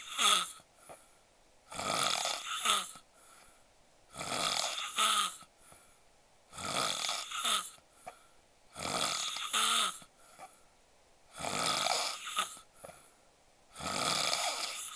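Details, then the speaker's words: Loud, harsh snoring in a sleeping man, each rasping inhaled snore followed by a softer fluttering exhale, about 25 breaths a minute; he had been drinking alcohol, lay face-up, and fell asleep right after eating. "ちゃんのいびきは酒も入っているせいか、正面を向いて寝ているせいか、とても激しいです。"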